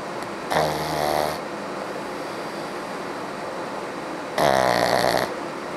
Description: my pug snoring away....lol